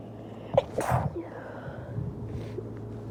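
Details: Induced sneezing: a single quiet sneeze burst over faint background noise.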